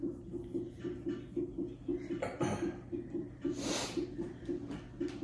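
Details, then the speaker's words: Fetal heartbeat on a labour monitor at 37 weeks after waters broke, with contractions every 5–6 minutes after 3 doses of induction pills. It sounds slow, about 115/min, after a contraction, while the monitor reads ~195–200, which the nurse says double-counts a low rate. "Okay, so sorry, the nurse did come in, and apparently, if I understand this correctly, when it goes that high, like 200 beats per minute, it's just doubling a low heart rate."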